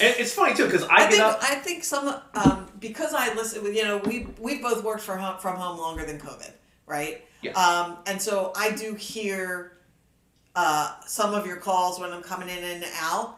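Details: Adult speaker in conversation; ordinary conversational speech.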